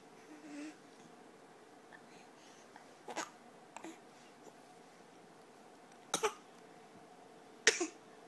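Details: Child gives several short, deliberate fake coughs, some in quick pairs, in a quiet room; voluntary cough.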